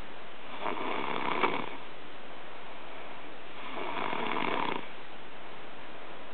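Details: Two rough, rattling snores about three seconds apart, roughly 20 breaths a minute, with quiet between them, recorded in 2009.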